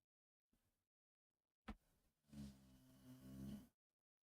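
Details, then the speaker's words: An 11-year-old Boxer dog, deeply asleep in a quiet room: a soft snort, then a loud, long rumbling snore; dog snoring. "oh the snoring that's my dog uh I have my two my two dogs here in the room one of them is five months old the other one is 11 years old you could hear that snoring that's crazy"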